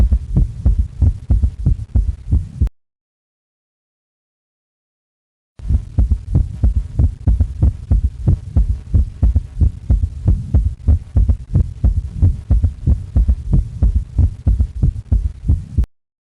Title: 3rd Heart sound